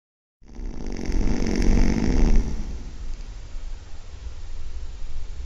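One loud, harsh, rumbling snore lasting about two seconds, fading into noisy breathing.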